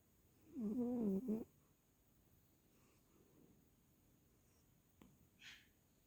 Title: cat snoring and twitching (extended) 🐾